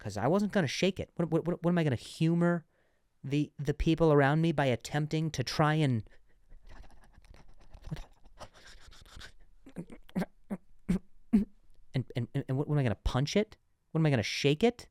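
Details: Adult man who says he stuttered and still sometimes stutters, less than before, and has worked with a speech therapist; stuttering.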